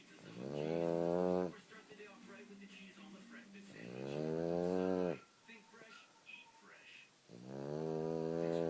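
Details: Snoring: long, rough, rising snoring breaths about every three to four seconds, around 17 a minute, with quiet gaps between.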